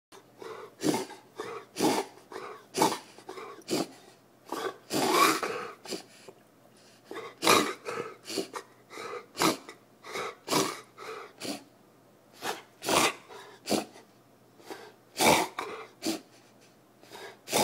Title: Kyla kennel cough